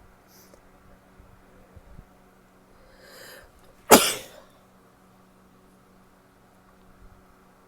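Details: Female sneezing after a delayed nasal itch: a brief indrawn breath, then one sharp explosive burst in a quiet room; a single sneeze.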